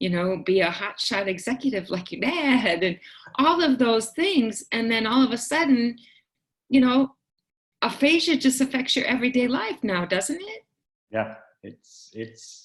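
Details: Adult woman speaking in conversation; typical speech.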